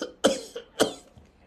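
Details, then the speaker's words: Adult imitating a child's hard, dry cough, a reflex of forced air to relieve itchy throat secretions: two sharp, harsh, unproductive cough bursts. Dry cough. "'yun 'yung pagkamot niya dun sa ubo. Kinakamot niya sa pamamagitan niya ng forced air."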